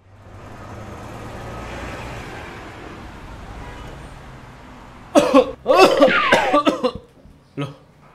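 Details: After several seconds of road noise, an adult gives a burst of about three harsh coughs, then one more.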